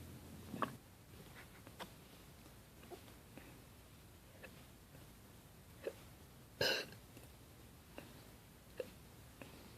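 Brief sharp hiccup sounds at irregular intervals over quiet room noise, about five or six in ten seconds, one louder than the rest; hiccups.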